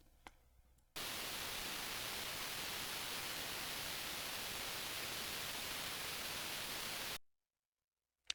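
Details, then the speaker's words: Hearing aid feedback test in fitting software, rerun after swapping to a power dome to physically block sound leakage; the feedback then disappears: hearing aid feedback calibration noise. "So this is using the software to fix the feedback problem when we should be using physical hardware to reduce the feedback, which is what I'm going to do by using this power dome."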